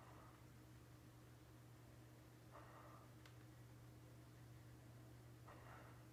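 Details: Snoring from Mako sleeping during the day.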